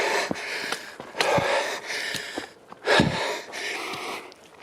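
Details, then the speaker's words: Labored breathing while climbing a slope on a walk in high temperatures, in a person with a slight chest infection for a week and lungs affected by spray: rapid, heavy, noisy breaths with a faint wheezy edge. "you can hear my breathing has got quite labored I have had a slight chest infection for a week"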